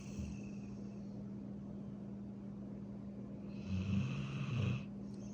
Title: Golden Retriever snores while sleeping